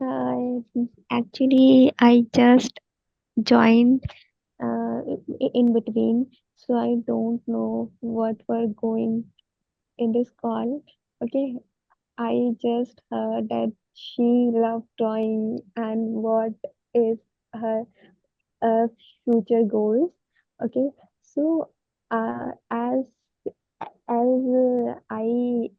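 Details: Adult woman who stammers, reports it worsening with blocks where her mouth freezes and she cannot say words; stuttering.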